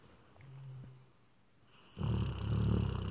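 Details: Sleeping Rottweiler-husky mix dog snoring: a quiet low breath sound, then a louder, rough, rattling low snore.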